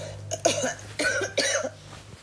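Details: Girl who can't stop coughing; three quick, harsh coughs in rapid succession in a quiet room with a low background hum.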